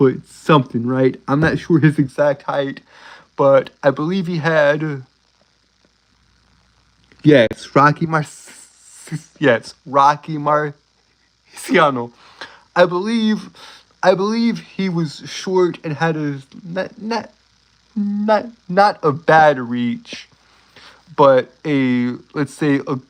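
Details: Male speaker with a self-reported speech impediment he says he cannot control; stuttering.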